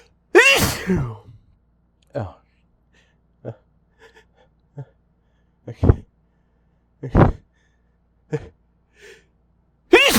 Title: Stronger sneezes than I meant